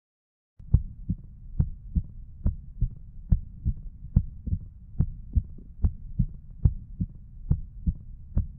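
Regular heart rhythm near 70 a minute with a sharp, crisp click at the first sound of each beat.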